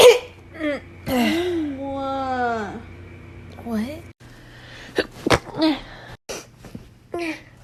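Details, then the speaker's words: A breathy, rising build-up, then a sharp sneeze burst with short voiced sounds and brief talk: sneezing. "Okay, that was weird, and I kind of want to do it again. Sorry, I sneezed a little there."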